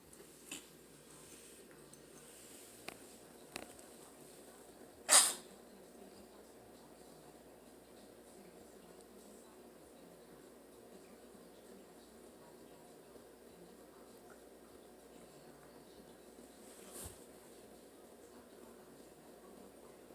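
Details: A cat sneezing, being treated with cloves in a diffuser: one sharp, hissing sneeze amid steady room hum with faint clicks and snuffles; sneezing.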